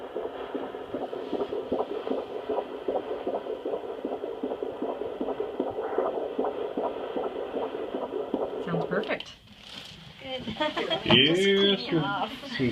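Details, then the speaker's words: Fetal heart sounds on handheld Doppler at a 17-week IVF (ICSI) pregnancy midwife visit: rapid, regular whooshing heartbeat at 154 beats per minute, called perfect; valve opening and closing audible. "that's the heartbeat 154 it's perfect there we go you can actually hear that's the heart valve's opening and closing the heart"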